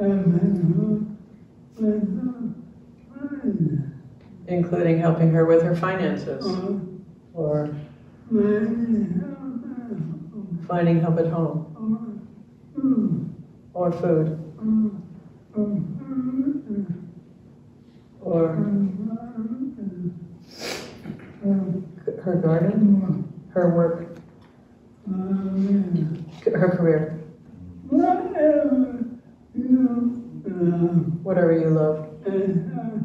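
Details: Dysarthria in an older man, a retired pediatrician, with ALS diagnosed in late 2021; his speech changed within the past two years, his wife translates for him, and his jaw trembling is neurologic clonus.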